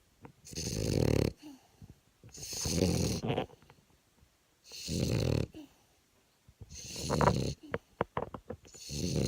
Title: Snoring French bulldog